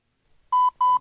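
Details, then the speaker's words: Lifepak CR Plus automated external defibrillator alert tone during CPR: two short, clear mid-pitched beeps as it interrupts to evaluate heart rhythm and check whether another shock is needed. "While you perform CPR, the AED will interrupt you at regular intervals so it can check if another shock is necessary."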